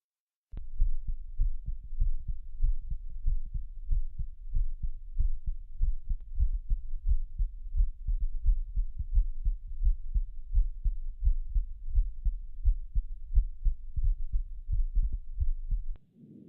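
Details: Heart sounds recorded with a CloudSteth digital stethoscope: steady low lub-dub heartbeat at about 85 beats a minute.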